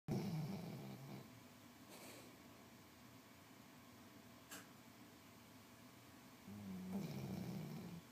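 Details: Dog snoring loudly like a human, loud enough to wake a napping person: low, rumbling snores on breathing in, two clear snores several seconds apart over soft background hiss.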